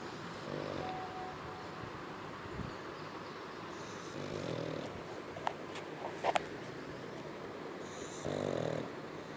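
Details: Three-year-old pug snoring, even when awake: rough, rattling snores every few seconds, about 15 a minute, with faint clicks between, the noisy breathing of a small flat-faced dog.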